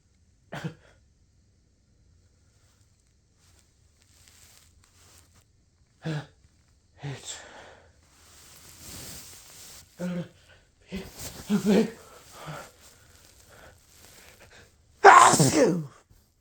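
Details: Repeated sneezing after pepper exposure: several abrupt explosive bursts with quiet gaps and breathy intakes between, ending in one very loud forceful sneeze.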